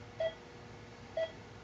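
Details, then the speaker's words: Pulse oximeter beeps: two short, clear monitor beeps about one second apart, near 60 a minute, in a lecture on auditory displays. Each beep marks a heartbeat; the tone's pitch conveys blood oxygen saturation. "the tone the pitch of the tone is uh conveying how much oxygen is in the blood the saturation of oxygen in the blood"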